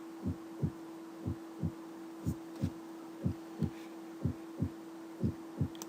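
Regular paired lub-dub heart sounds at about 60 beats a minute with a steady background hum; the first sound of each pair is the normal S1.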